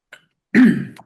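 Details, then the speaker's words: Adult with a cold clears the throat during an online class: a brief faint sound, then a single harsh, voiced throat-clearing burst. "[목을 가다듬음][기침] 네. 아, 죄송해요. 제가 감기가 와 가지고"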